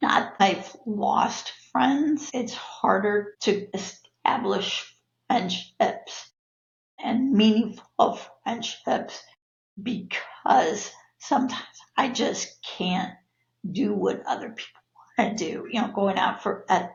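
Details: Adult woman with spasmodic dysphonia (laryngeal dystonia), a neurological disorder of no known cause, with abductor and adductor features; voice worsens with stress; spasmodic dysphonia.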